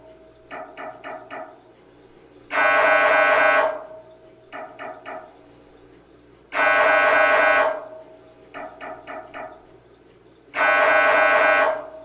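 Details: MRI scanner noise: a loud repeating pattern of four quick knocks followed by a long buzzing tone, cycling every few seconds. This is a sample sound to prepare patients, including children, for a scan.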